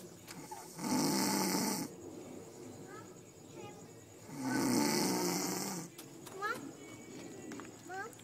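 Two long, loud rattling snores about four seconds apart, with quiet breathing and faint chirps in the background: snoring.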